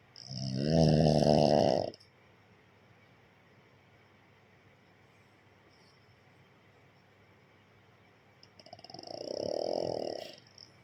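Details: Two loud, rattling snores from a pug, a small flat-faced dog, separated by a long quiet pause; snoring.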